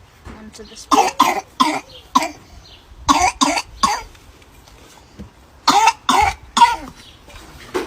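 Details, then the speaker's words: Harsh, rapid coughs in repeated clustered runs, typical of a pertussis (whooping cough) paroxysm caused by Bordetella pertussis. "በባይቱ ስስ ነው የምንለው ፐርቱስ ሳል ምንድነው ትክክ ምንለው ሳል ነው።"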